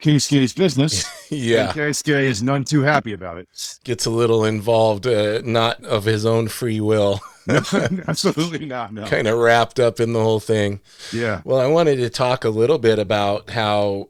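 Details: Adult male speaker; normal speech.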